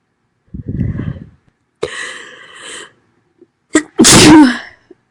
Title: Loud Sneezing (F)